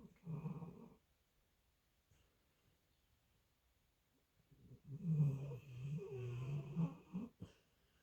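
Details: Sleeping dog snoring: low rumbling snore-like breaths and soft growly sounds with a quiet pause between bursts.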